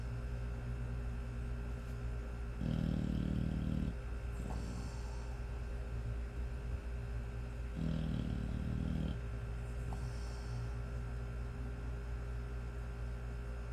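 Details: Rough, low snores on each breath, about every five seconds, from a sleeping 5-month-old American Bully puppy over a steady background hum.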